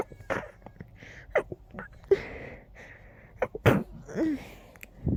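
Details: Short sneezing fit while very stuffy: several strong, sharp sneezes with snuffly, blocked-nose sounds between them.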